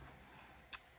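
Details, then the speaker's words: Single sharp, brief jaw click while chewing a large bite of French toast at breakfast, from the speaker's own long-standing severe temporomandibular joint disorder (TMJ), heard over quiet room noise. "apologies in advance if you hear my jaw clicking i have a really severe tmj"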